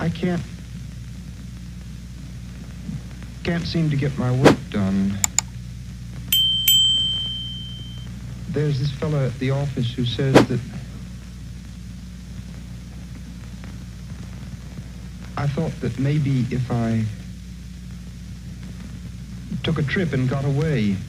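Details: Thought blocking in a male patient during a mental status examination, with halting speech, long pauses, disorganized thoughts, apparent lack of feeling and difficult rapport.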